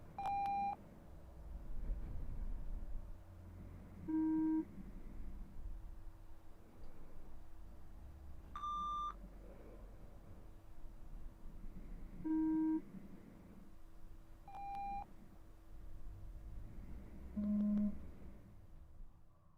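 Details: Short pure beeps at varying pitches, a few seconds apart over faint room noise, played into one ear only in a roleplayed (simulated) ear examination hearing test.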